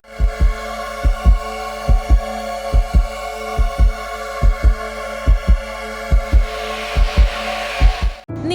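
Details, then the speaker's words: Regular paired lub-dub heart sounds about 70 beats a minute, heard over background music; heartbeat. "ഒരു നിമിഷം ചിന്തിച്ചു നോക്കൂ മനുഷ്യ ശരീരത്തിൽ എന്തൊക്കെയോ ശബ്ദങ്ങൾ നടക്കുന്നു ഹൃദയം ഇടതടവില്ലാതെ താളം പിടിക്കുന്നു"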